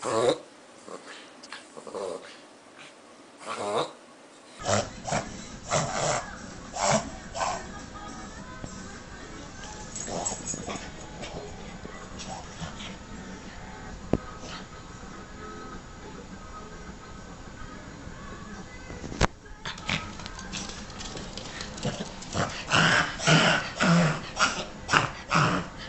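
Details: Dog with a reverse sneezing episode (pharyngeal gag reflex): repeated rapid snorting inhalations in bursts.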